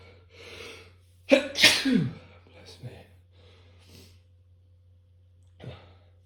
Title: Three quick sneezes